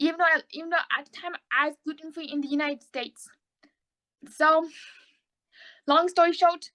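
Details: Autistic young adult woman, recently diagnosed bipolar, with oral motor apraxia, a speech disability that keeps her mind from forming words correctly and makes conversation hard: apraxia of speech.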